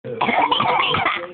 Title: Fake cough